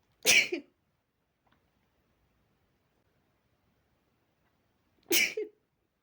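Two sharp, explosive sneezes about five seconds apart in a quiet room. Sneezing, here from dust irritating the nose.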